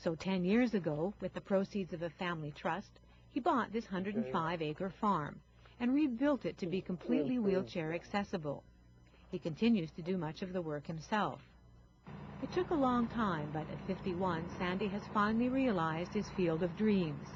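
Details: Adult female narrator; ordinary narration speech.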